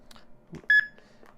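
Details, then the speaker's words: Single short electronic beep from an AED trainer in a hands-only CPR and AED demonstration, prompting the user while pads are peeled and applied to the patient's bare chest. "it walks you through all the steps you need to know how to save your life"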